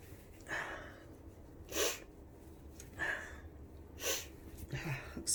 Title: Tickly sneezes and blows 🤧